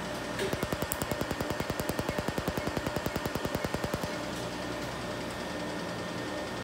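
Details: Laser tattoo removal on a ring finger: rapid, regular sharp snapping pulses, about 150 a minute for roughly four seconds, from the laser firing.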